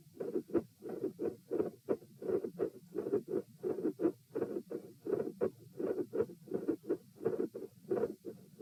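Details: Auscultation stress test at chest position P, with the subject lying, sitting, standing, then lying again (72 bpm supine, 84 sitting, 108 standing): steady heartbeat near 85 a minute with a mid-systolic click and a split second heart sound (S2).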